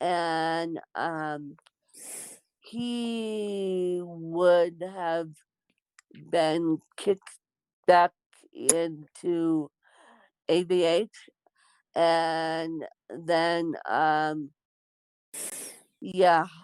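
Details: Dysarthric speech in an adult woman born with cerebral palsy.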